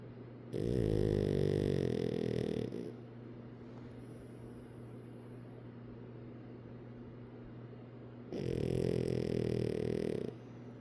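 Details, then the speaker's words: Pug snoring with its eyes open: two loud, rattling snores on breathing in, about eight seconds apart, with quiet breathing between; snoring in a flat-faced dog. "How do you snore with your eyes open?"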